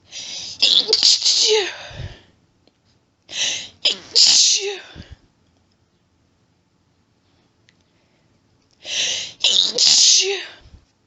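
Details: Female allergic sneezing fit: three groups of rapid sneezes, each opened by hitching buildup breaths, with a sniff after each group.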